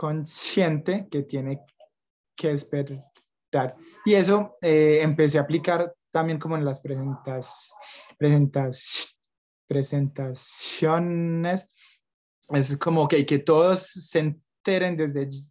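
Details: Young adult Colombian man, Spanish-speaking, who stutters and reports blocks and repetitions; stuttering.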